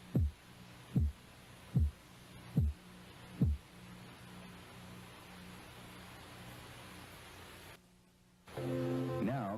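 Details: Korotkoff sounds during blood pressure cuff deflation: five regular tapping thumps at about 74 a minute fading into a low hum, then brief music.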